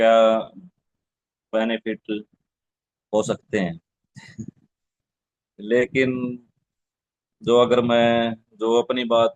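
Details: Adult man who stammers, speaking in a Hindi-language stammering support session; real stuttering.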